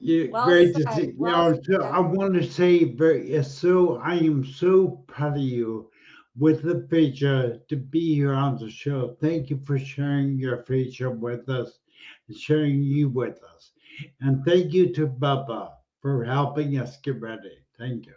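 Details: Adult speaker; ordinary speech.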